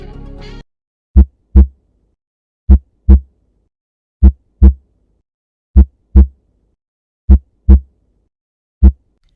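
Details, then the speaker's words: Normal heart sounds in a school science lesson on ventricular contraction pumping blood out of the heart: after a brief musical note, clean paired lub-dub thumps repeat steadily at about 39 cycles a minute. "saat jantung berkontraksi ventrikel kanan maupun kiri mendorong atau memompa darah keluar jantung"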